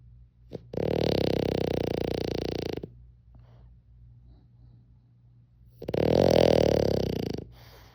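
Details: A sleeping French bulldog snoring: two loud, deep, rattling snores separated by a quiet pause.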